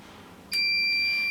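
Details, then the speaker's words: Heska veterinary fluid pump running with a clamp deliberately closed as a demonstration: quiet, then a sudden loud continuous high-pitched alarm, the high-pressure occlusion alarm. "it says high pressure it's going to yell at you and say high pressure so that means that something's going on"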